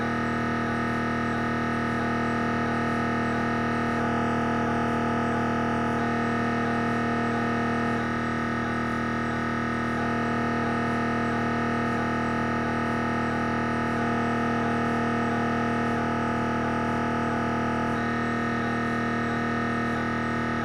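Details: Siemens Magnetom Avanto MRI head scan: loud, steady buzzing drone with rapid regular gradient pulsing.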